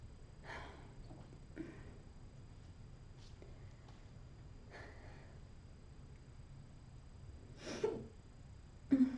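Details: About six brief, sharp catching breath sounds from a girl at irregular intervals over nine seconds in a quiet room, consistent with a bout of hiccups.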